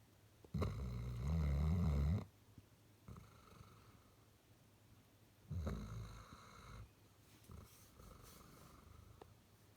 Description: This is Penny the Great Dane. As well and loving walks, eating lots, destroying toys and enjoying cuddles, she snores!